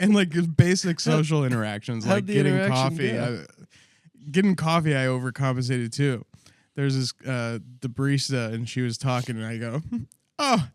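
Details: Adult man speaking; Ordinary conversational speech.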